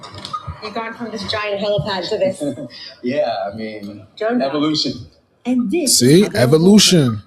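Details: Adults in conversation; normal speech.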